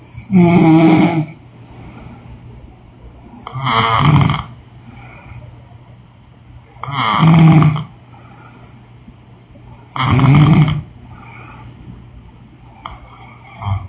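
Loud, deep, fluttering snores on each breath in, about four in fourteen seconds, with soft breathing out between: heavy snoring.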